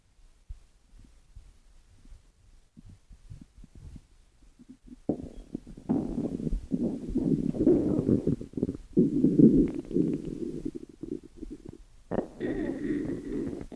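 Quiet gurgles, then a long rolling, bubbling rumble with a brief tonal whine near the end; ordinary stomach growling.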